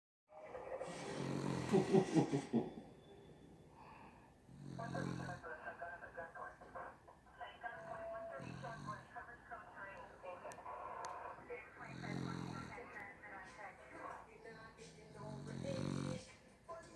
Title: Snoring dog Earl